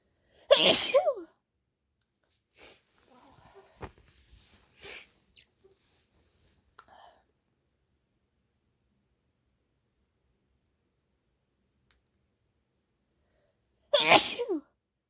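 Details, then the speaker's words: Someone who has been sneezing all day, possibly from allergies or a cold, with an itchy nose: two forceful sneezes several seconds apart, with quiet sniffing and breathing between; they say the sneezes were strong and hurt. "these are very strong it kind of hurt honestly I don't have tissues with me I got all over my hand"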